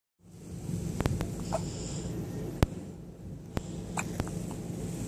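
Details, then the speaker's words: Baby's hiccups: several brief, sharp, click-like hiccups over low room noise. "Got the hiccups, man."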